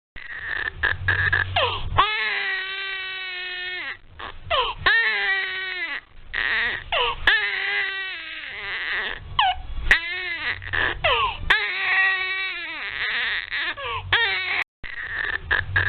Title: Baby Crying Sounds Sound Effect